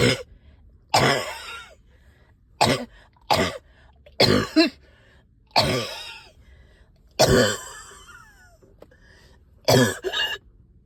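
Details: Productive cough, about eight harsh wet coughs in single bursts and pairs bringing up sticky phlegm, while up all night with heavy chest and headache.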